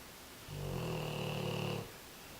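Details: American Bulldog snoring in one of his quieter sessions (often much louder): one long, low, rattling snore lasting over a second.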